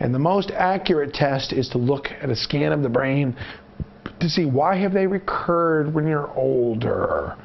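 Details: Adult male narrator; normal speech.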